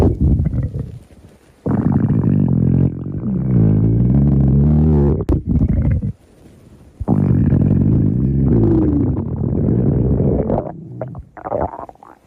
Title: Stomach Growling